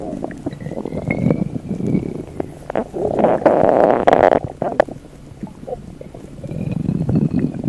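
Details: Low gurgling, bubbling stomach rumbles swelling and fading over several seconds; ordinary borborygmi.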